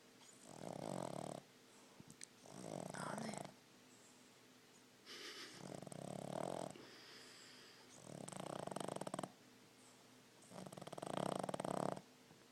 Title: Olive Snoring